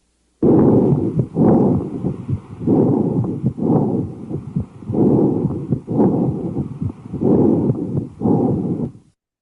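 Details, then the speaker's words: Loud, harsh, hollow breath sounds, inspiratory phase louder, with almost no gap between inspiration and expiration; bronchial breathing on lung auscultation. "This is your bronchial breathing. What is a bronchial breathing? Typically your inspiratory phase is higher in intensity."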